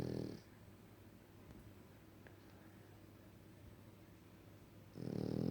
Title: World Classic French Bull Dog Snoring